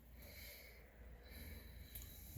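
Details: Normal breath sounds heard through a stethoscope during a physical exam, patient taking deep breaths, lungs auscultated on the back and front with diaphragm and bell: soft, low airflow rising and falling, no added sounds.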